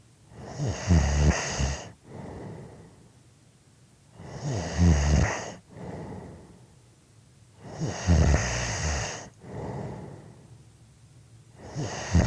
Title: Snoring Audio Clip 5 minutes